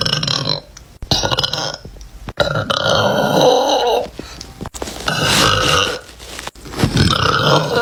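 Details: Girls burping in a compilation of short clips: a run of loud, drawn-out throaty burps, several in a row with short pauses between them.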